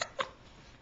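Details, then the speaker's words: Baby boy weighing about 13.5 pounds with ongoing hiccups that burping never seems to stop: two brief, sharp voiced catches of breath a fraction of a second apart; infant hiccups. "and he's got some pretty good hiccups going if i burp him will that get rid of him never seems to work"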